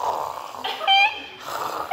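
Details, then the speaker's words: An adult man imitates snoring: soft, rattly breath noise with a brief voiced purr in the middle. "немножко даже как кот это чуть убаюкивает но есть я соглашусь меня бесит храп который Такой типа Слышишь Там соседней комнаты уже со второго этажа"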